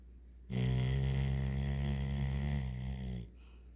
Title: Trigger Snoring